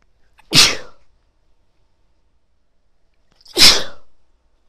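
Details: Two loud, explosive, wet sneezes a few seconds apart from a woman, each after a brief intake following long tickly buildups; sneezing.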